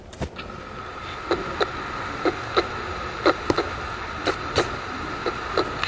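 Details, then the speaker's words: Normal heart sounds played as a demonstration before a murmur: paired lub-dub ("tum-tá") sounds at about 60 a minute, a normal two-sound rhythm over room hum. "A gente chama isso de tum-tá. Tum-tá, tum-tá, tum-tá. Então, é o movimento mais comum."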